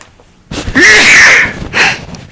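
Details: Adult ran out of prescription antihistamines during pollen season, with heavy blooming; sharp in-breath, then a loud explosive sneeze and short trailing breath: allergic sneezing.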